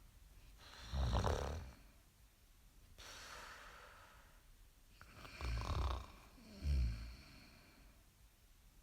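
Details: Snoring sound effect: three deep, rattling snores, each followed by a softer breathy exhale, in a quiet room.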